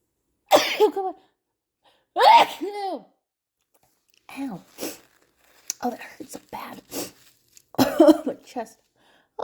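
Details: Sneezes induced by tickling the nose with the tip of a paper towel roll: two loud sneezes, each with a sharp in-breath and voiced burst, then brief quiet vocal sounds and another sneeze-like burst.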